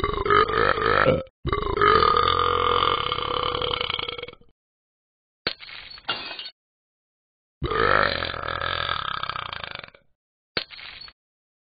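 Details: Several long, loud, gurgling cartoon burps with short pauses between, from the animated Talking Ben the Dog app character: burping.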